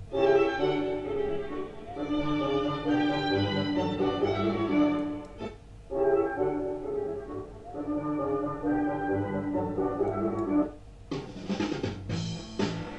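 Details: Orchestral string music processed by a hearing loss simulator sounds dull and muffled, the bright upper tones stripped away: simulated severe precipitous high-frequency hearing loss.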